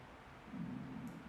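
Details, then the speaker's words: Loud, low, drawn-out gurgling stomach growl under a second while sitting hugging knees; she reports not eating since morning though not feeling hungry, and the sound echoed between legs and belly; borborygmi. "めっちゃお腹鳴りました。お腹空いてないだったけどめっちゃグーグー鳴った。"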